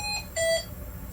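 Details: Two short electronic alarm beeps from a Hamilton T1 ventilator running high-flow nasal cannula therapy in high flow Auto mode, with an H900 humidifier set to 35°C, during transport setup, just before it is put on standby to stop the beeping.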